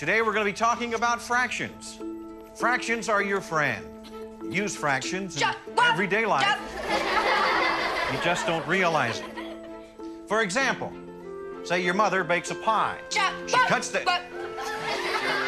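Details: Adult speaker, film dialogue with background music; normal speech.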